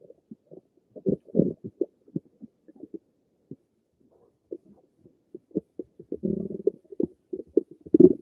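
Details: Bowel sounds.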